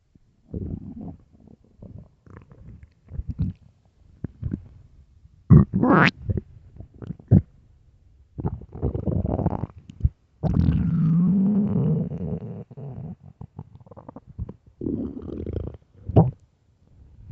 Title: satisfying loud hungry stomach growls (starving)